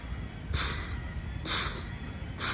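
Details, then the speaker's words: Three soft spitting taps about once a second, a mouth imitation of Korotkoff sounds: the pulse beating through the blood pressure cuff as its pressure is slowly released on the sphygmomanometer. "That's the sound of the pulse actually beating through the cuff and its pressure."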